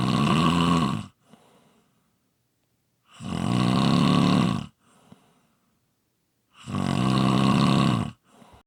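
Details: Person snoring: loud, long, vibrating snores on each breath in, followed by brief soft breaths out, with a breath cycle of about three and a half seconds.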